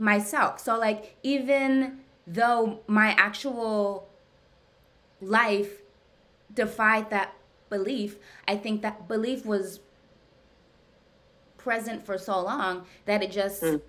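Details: Adult woman who stutters, speaking during a live therapy session with her therapist; therapy has gradually helped her speech over time; stuttering.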